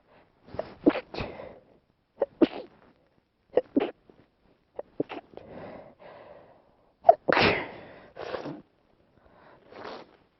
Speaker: Gonna gonna sneeze. Oh, Jesus, sneeze.